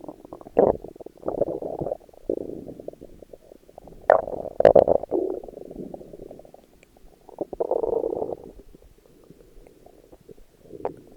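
Low gurgling, bubbling rumbles rising and fading over several seconds; ordinary stomach growling from gas and fluid moving through the gut.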